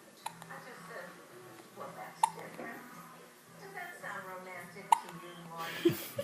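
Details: A child's sharp, brief hiccups every couple of seconds over background television speech; hiccups.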